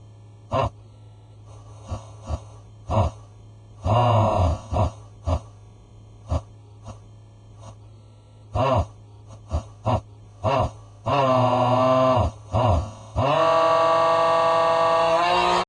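Repeated short gasping in-breaths and voiced catches that build toward a sneeze but trail into a long groan, apparently an acted imitation.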